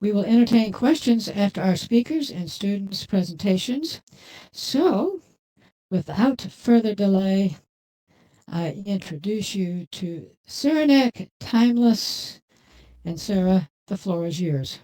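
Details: Adult host speaking; Normal voice.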